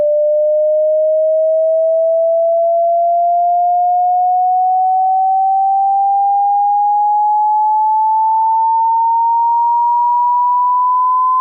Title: Hearing test frequency ⚠️loud warning⚠️